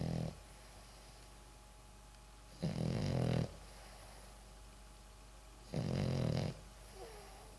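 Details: Sleeping dog snoring: loud, rough snores about every three seconds with quiet pauses between, against steady low room hum.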